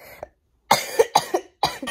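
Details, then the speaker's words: Young woman recovering from flu: a short run of about four dry, harsh coughs, a lingering cough triggered by laughing, talking loudly or too long without water, now improving. "Honestly, my cough is still here. It's not very often that I'm coughing though, so it's definitely getting a lot better. It's only ever when I like try to laugh or try to talk too loud is when I cough, or I talk too long without like drinking water."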